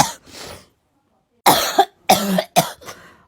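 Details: Girl having a coughing fit while doing her makeup: a run of harsh, forceful barking coughs in quick succession after a short pause.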